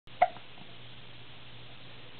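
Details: Child hiccuping while talking and playing with his father: one brief, sharp hiccup near the start, then quiet with a steady low room hum.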